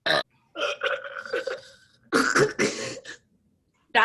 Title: Two Girls Burping Contest Part 5 HIGHLIGHTS!